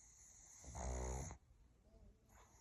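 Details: Sleeping pug, a short-nosed breed, gives a single deep, rumbling, snort-like snore under a second long, likened to a dinosaur, then quiet breathing; snoring.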